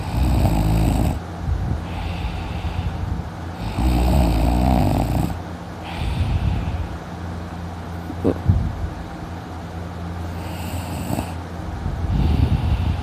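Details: Man sleeping in the morning, snoring loudly, later waking with a sore throat: loud, deep, rattling snores on each breath, about four breath cycles; heavy snoring.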